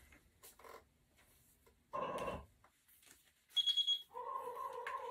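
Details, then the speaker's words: Zoll Z Vent transport ventilator powering on: brief clicks, short electronic beeps and a steady tone as it completes a full calibration self-test, including compressor check, in under three seconds; ventilator power-on self-test. "see how fast that took it only took about less than three seconds to to when i turned it on it did a full calibration test it tested if the compressor was good"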